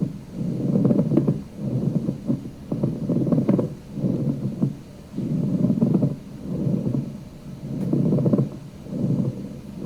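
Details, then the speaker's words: Pleural friction rub from inflamed pleura: rough, dry creaking, grating sound like bending old leather with each breath, about 13 breaths per minute, resembling rhonchi but drier. "okay so it's gonna sound like rhonchi but it sounds like a dryer sound and in fact some people talk about it in terms of like crackling old leather so imagine taking an old piece of leather and bending it and the crackling sound it would so let's listen to this"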